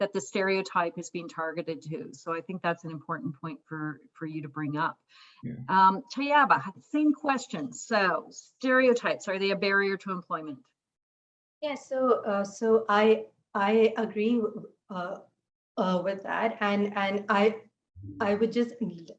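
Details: Adult woman who stutters, noting fasting and poor sleep take a toll on her speech; stuttering.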